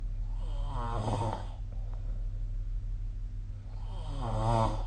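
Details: Sleep snoring recorded on 2025/03/30: two low, rattling snores on breathing in, with steady low room hum between them.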